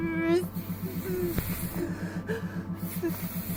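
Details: Woman during a bad attack about an hour after eating, with mouth and tongue numbness, whole-body paralysis-like symptoms, cold sensations and heavy nausea; she attributes it to functional generalized dystonia; speech sounds without words; unintelligible speech.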